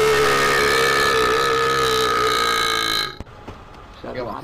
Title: Counter Strike Global Offensive Burp Trolling Part 1